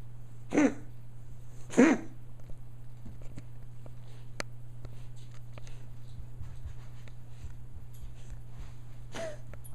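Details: A pet named Max during one of his recurrent coughing fits, recorded for his vet: three short, harsh cough bursts, two close together and one after a pause, over a steady hum: coughing fit.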